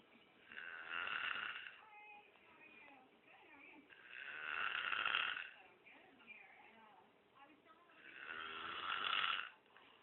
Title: Snoring Monkey